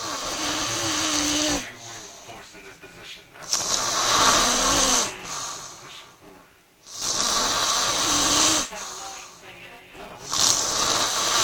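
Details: Loud, harsh, rattling snores repeating about 17 times a minute, with quieter gaps between them; typical snoring.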